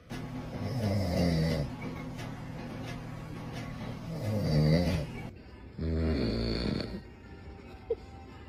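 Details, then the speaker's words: Adult man (dad) snoring in sleep: loud, low rattling snores in long rumbling stretches with faint background music, while a baby nearby seems scared. "Tamam. snoring. My poor baby is scared."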